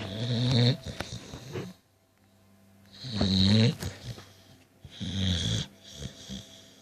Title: Snoring dog